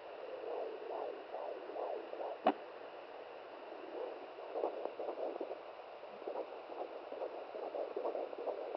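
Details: Home fetal Doppler at 17 weeks' pregnancy, probe held by the mother: fast, regular whooshing fetal heartbeat roughly 150 a minute, with a brief knock.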